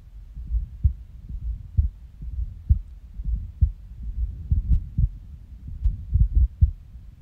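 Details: Resting heartbeat recorded on waking from a nap, when the heart started skipping: an irregular heartbeat with skipped beats.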